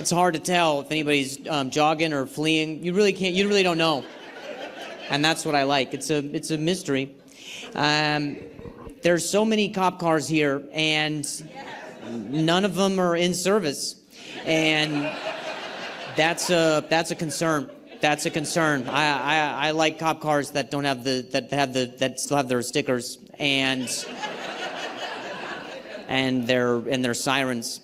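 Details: Male stand-up comedian who stutters, performing live; he says his stutter is the worst in a long time and he has involuntary sounds and tremors this week; stuttering.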